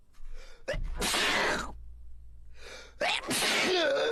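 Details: Sneezing in a man who can't stop sneezing: a sharp indrawn gasp, then two forceful, explosive sneezes in quick succession.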